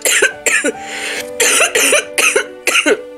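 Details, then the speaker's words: Adult woman with a violent cough lasting weeks during an illness shared with her children; she wonders whether it was COVID-19. A rapid run of about six harsh, voiced coughs in three seconds, a coughing spell, with faint background music. "The fact that the boys, you know, Jaden had gotten sick and I had this crazy cough, our symptoms were still scattered."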